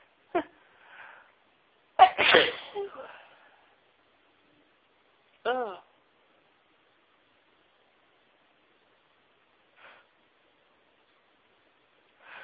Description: Trying to announce my sneezes but it was so hard!